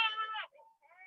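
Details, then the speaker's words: Simulated infant crying from a shaken-baby simulator doll used in a prevention demonstration: brief, high-pitched electronic baby cry, then faint trailing tones. "if that sound that the baby crying is making your blood pressure go up it's making mine go up too and that's the idea usually I have it crying for a lot longer and um it's very stressful when the child"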